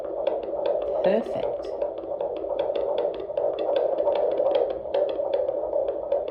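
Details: Handheld fetal Doppler recording of the fetal heartbeat at 20 weeks and 2 days of pregnancy, fourth baby.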